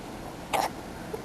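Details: A single short, abrupt hiccup from a 5-week-old baby over steady background noise; hiccup.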